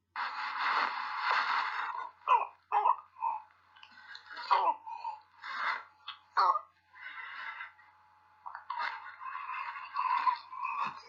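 A child gives several short, harsh, explosive coughs between stretches of noisy, rasping breathing, over a steady background hum; a barking cough typical of croup.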